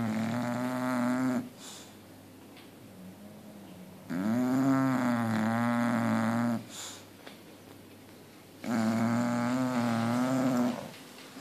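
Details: Two Bulldogs snoring: loud, buzzing, throaty snores on each breath, about 13 a minute, with quieter gaps between; steady rhythmic snoring.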